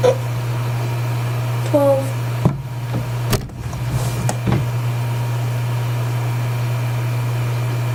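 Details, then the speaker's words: A person's run of hiccups: a few short, abrupt voiced catches over a steady room hum. "Yeah, it might sound fake, but everybody hiccups differently."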